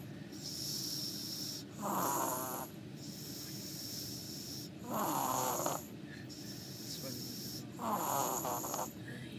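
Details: Three loud rattling snores from a sleeping female, about three seconds apart, roughly 20 a minute, with steady room noise between; snoring.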